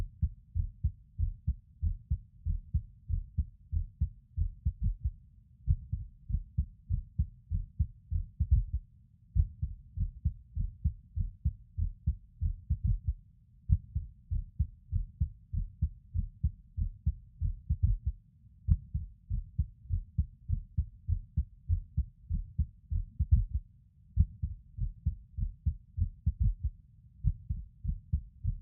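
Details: Male's heartbeat recorded while lying on his bed: low, steady thumps broken every few seconds by brief pauses where a beat seems to drop out, skipped heartbeats.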